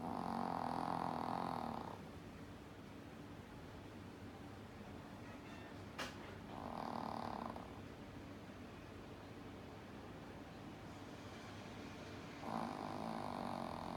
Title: Reki snoring